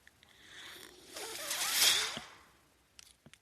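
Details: Mechanical ventilator noise heard in the background while its user, a man, speaks on his podcast.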